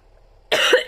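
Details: Adult who has trouble speaking afterwards: in a quiet room, one abrupt harsh cough burst starts half a second in, part of a coughing fit.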